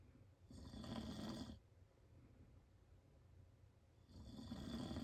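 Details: Loud, rough snores on each in-breath, about a second long and several seconds apart with quiet breathing between, from an adult man asleep; heavy snoring.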